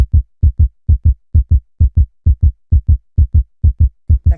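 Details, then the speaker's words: Demonstration heart sound of supraventricular tachycardia on a cardiology talk, with a rapid, very regular lub-dub at about 130 beats a minute; supraventricular tachycardia. "supraventricular. Exacto. Es la cosa más espantosa que se puedan imaginar."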